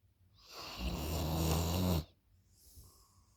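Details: Loud snoring: one loud, rough, rattling snore on the in-breath, followed by a quieter breath out.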